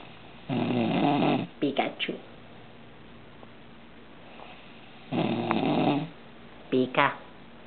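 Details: Man snoring during an afternoon nap around 4 pm: two long, rough, rattling breaths about five seconds apart, each followed by brief snorts, in a quiet room.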